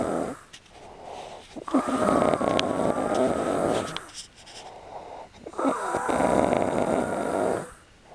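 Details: Adult man snoring during sleep on a trip, who didn't believe he snored: two long, loud, rattling snores with a buzzing tone on inhalation, separated by quiet exhalations.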